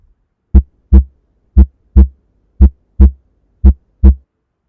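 Simulated normal heart sounds: crisp paired lub-dub beats at about 58 a minute, with no murmur.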